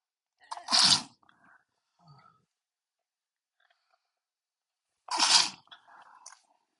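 Two loud, sharp sneezes a few seconds apart, each with a quick in-breath and explosive burst: repeated sneezing.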